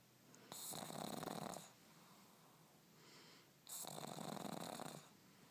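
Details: A pug napping while held in an arm: two loud, rough, fluttering snores on breathing in, with a quieter breath out between.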